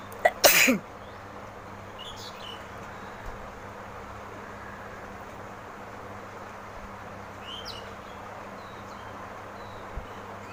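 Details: Woman's sneezing challenge: one sharp, explosive sneeze near the start, then steady background hiss and faint room sounds.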